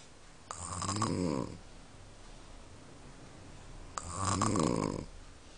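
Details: Grandmother snoring: two loud, rattling snores on breathing in, about 3.5 seconds apart, with quiet breathing between; ordinary heavy snoring.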